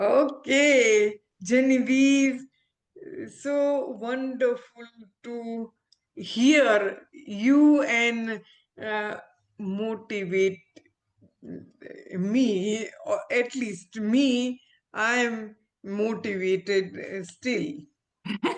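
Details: Adult woman, former ophthalmologist, with aphasia after a stroke; she could not speak early on and is still recovering speech with speech-language therapy; real patient; aphasia.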